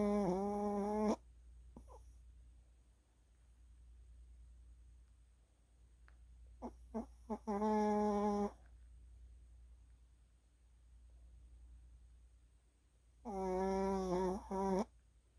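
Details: Chihuahua dog lying on his back asleep, snoring right next to the listener's ear: three loud snoring breaths with quieter breathing between, over a low steady room hum.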